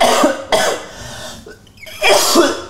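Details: Three short, harsh cough bursts with little rattle from a young man with autism; a dry cough, possibly from dust allergy.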